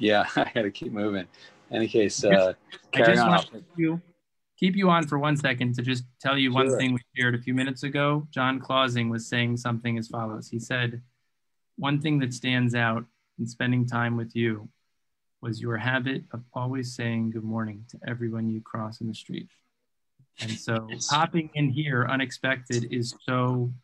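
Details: Adult man speaking; Normal speech.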